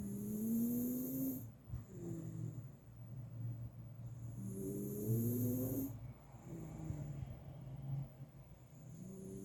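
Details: Sleeping Miniature Schnauzer with really loud, persistent snoring: rising, whistling snores with a buzzy rumble on each breath, roughly every 4–5 seconds.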